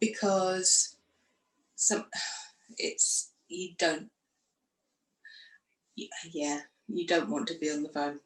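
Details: Aphasia in a woman after a stroke following surgery in 2018, aged 44, which left her unable to speak.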